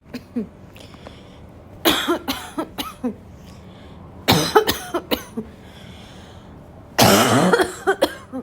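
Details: An adult has three bouts of harsh, forceful coughing, about a dozen coughs with a barking quality, described as an intense recurring barking cough.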